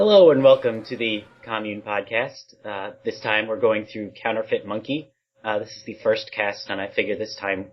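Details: Adult man speaking; normal voice.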